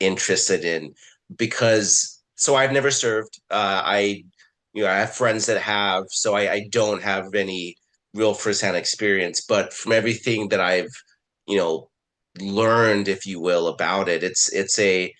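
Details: Adult man who identifies as a person who stutters; stuttering.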